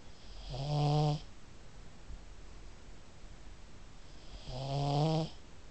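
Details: Pug who snores constantly, snoring in sleep and waking herself up: two loud, rattly, voiced snores about four seconds apart with quiet room noise between.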